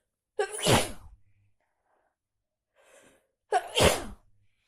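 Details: Person with a bad, week-long cold, worsened after the heating broke down: two loud, forceful sneezes with a short breath between them; repeated sneezing.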